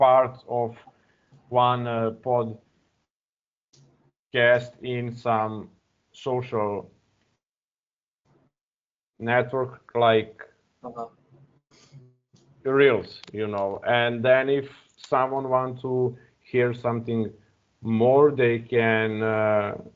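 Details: Adult man who stutters, speaking English on a stuttering podcast; stuttering.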